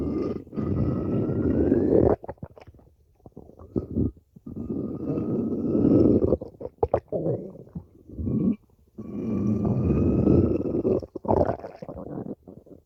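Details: Prolonged stomach growling: long, loud rumbling growls with rising squeaky tones, broken by gurgles and pops.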